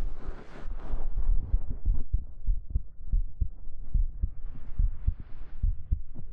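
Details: ASMR heartbeat audio with fabric rustle and stroking sounds: steady, regular low thumps at about 80 beats a minute; normal heartbeat.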